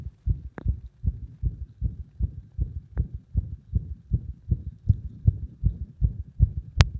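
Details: Compressed heart sounds: fast, low, thudding heartbeats, mostly steady but unevenly spaced in places, with a few sharp contact clicks; frequent irregular (ectopic) beats.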